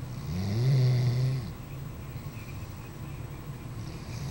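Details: Doberman dog asleep: a deep, vibrating snore on one breath, then quieter breathing over steady background hum; snoring.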